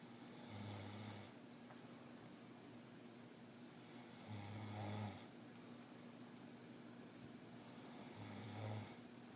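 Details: A man asleep: low rumbling snores with each breath, about 16 a minute, against steady room noise; snoring.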